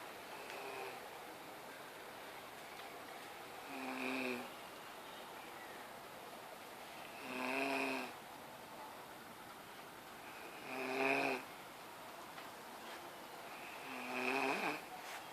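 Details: Person snoring loudly: regular tonal snores about every 3.5 seconds, roughly 18 a minute, over steady room noise.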